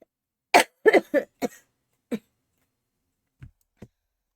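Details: Adult sick for five days with a cold, who has just returned from a clinic visit: a burst of four or five short coughs, then a few quieter ones.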